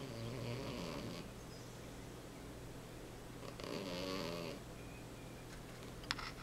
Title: Bunny The Snoring Cat